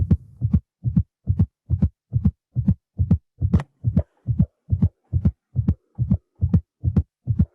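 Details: Simulated intermittent auscultation of fetal heart sounds on Doppler during a contraction, with the contraction starting, peaking and going away; listener counts the rate.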